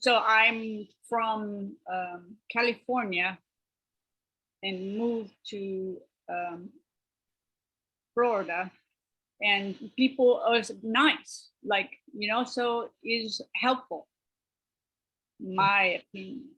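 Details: Adult woman speaking; aphasia (non-fluent, agrammatic speech).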